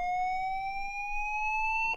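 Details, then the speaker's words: LIFEPAK 15 monitor defibrillator charging after energy selection (200 joules preselected): steady electronic tone rising slowly in pitch until fully charged. "if you want a different energy level press energy select choose the energy level you want press charge there's a charging tone and a charging"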